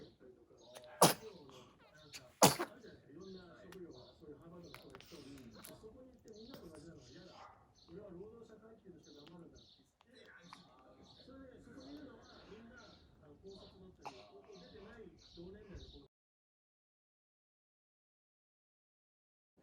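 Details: Newborn baby boy, 21 days old, sneezing: two sharp, brief sneezes near the start, followed by soft baby noises and quiet adult talk in the room.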